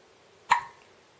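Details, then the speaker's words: Baby with hiccups: one abrupt, sharp hiccup sound that fades quickly in a quiet room; hiccups. "Yeah. These hiccups are always surprising."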